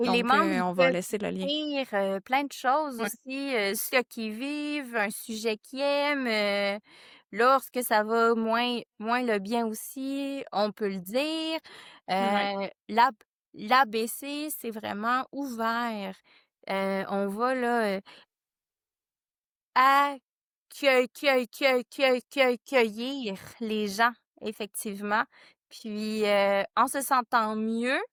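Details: Stuttering in a French-speaking board member of a stuttering association.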